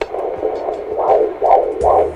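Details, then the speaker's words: Rhythmic swishing fetal heartbeat on Doppler, placed on the upper abdomen, about 132 beats a minute, within the normal range (120 to 160). "como ustedes pueden escuchar ese es el ritmo cardíaco del bebé que aproximadamente marca 132 latidos por minuto que es lo correcto"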